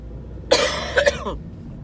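A short harsh cough burst followed by two smaller throat-clearing coughs over low room or traffic hum; cough during an acute illness with sore throat.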